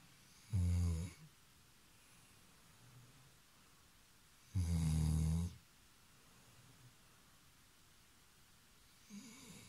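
Deep, rumbling snores, one about every four seconds, with quiet pauses between them: heavy snoring in a sleeping dog.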